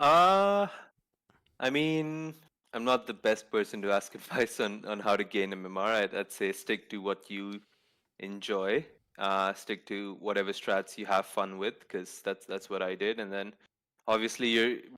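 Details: Adult man speaking; normal speech.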